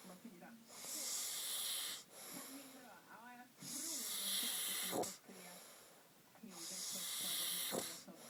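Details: Adult snoring: loud rasping snores with a whistling, wheezy edge, roughly every three seconds, with quieter breaths between.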